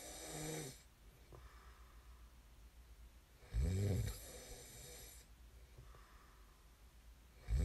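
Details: Deep rattling snores on the in-breath about every four seconds, with quiet breathing between, in a quiet room; ordinary snoring recorded as snoring ASMR.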